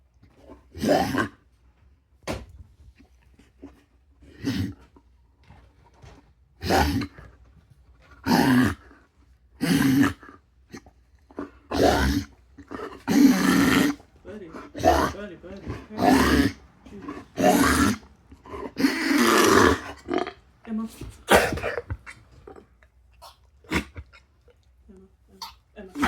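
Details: Dog wheezing with repeated harsh, snorting breathing sounds in short bursts; noisy breathing.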